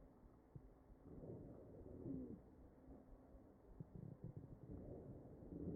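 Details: Wheezing in a mechanically ventilated patient, recorded through the chest.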